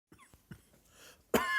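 A few soft, short coughs followed by one loud, sharp cough; dry, without rattling phlegm.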